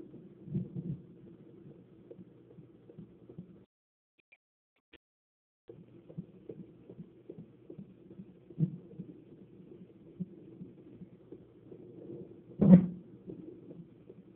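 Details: Fetal heartbeat on Doppler: fast, rhythmic whooshing beats at about 150/min, a normal rate.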